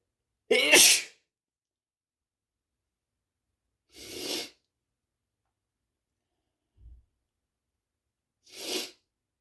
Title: sexy shirtless sneeze